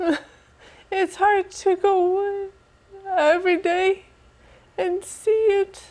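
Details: Adult woman with aphasia after a stroke on September 30th of the past year, attending an aphasia center program; finding: aphasia.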